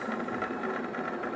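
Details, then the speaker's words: Concentric needle EMG of a muscle after complete common peroneal (lateral popliteal) nerve lesion, no voluntary activity: dense, rapid crackling and popping "electrical storm" of fibrillations and positive sharp waves, complete acute denervation. "voy a tener toda esta tormenta eléctrica que me habla de una denervación completa y aguda"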